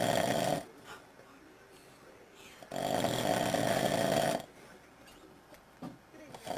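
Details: Two long, loud, buzzing snores separated by quiet breathing, with faint room noise, from a sleeping father recorded by his children; snoring.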